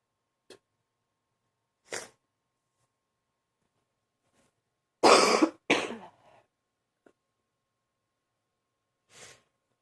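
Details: Morning cough in an adult: a short run of deep coughs, with a strong back-to-back pair amid weaker single coughs: deep cough.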